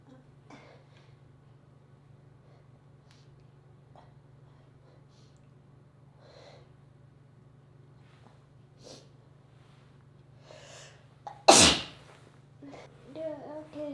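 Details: Person reading aloud gives one sharp, forceful sneeze breaking a quiet stretch over a steady low hum, then brief voiced sounds follow.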